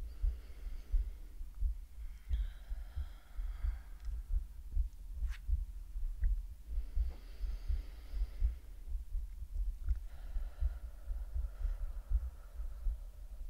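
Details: Woman's heartbeat in an ASMR medical roleplay: soft, regular low thumps at about 80 beats a minute with faint breathing, an ordinary resting heartbeat.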